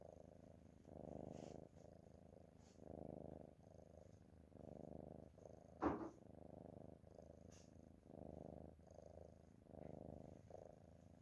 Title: Nice Cat Snoring 👍